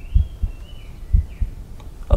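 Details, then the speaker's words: Cardiovascular examination demonstration on a volunteer, stethoscope diaphragm at the precordium during breath hold: paired lub-dub beats about 60 per minute, no murmur; normal first and second heart sounds over all four areas. "the first and second heart sound can be heard over all the four area and there is no moment can be appreciated"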